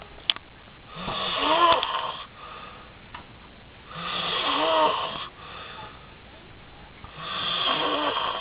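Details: Man (Mikee) snoring very loudly during sleep, as he habitually does; loud rasping snores on each inhalation, about three in eight seconds, separated by quieter exhalations; heavy snoring.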